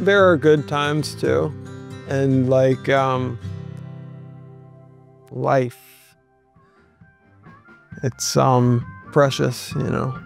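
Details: Person with aphasia speaking haltingly, with fillers and fragmented phrases: aphasia.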